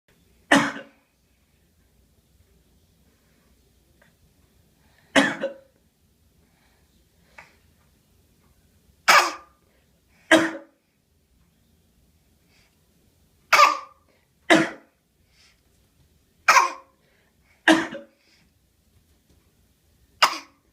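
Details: An infant gives nine short, deliberate coughs spaced by quiet pauses: a voluntary fake cough.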